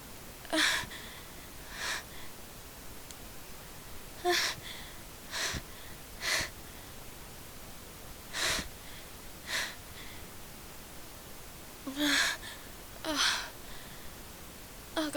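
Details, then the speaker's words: A person was exposed to a cat at a friend's house and tries hard not to sneeze while talking, then can't hold back. About ten repeated short bursts with breathy intakes: a run of stifled sneezes or near-sneezes. "Oh God. So I'm trying really hard not to sneeze, and not doing such a good job. I can't hold him back anymore."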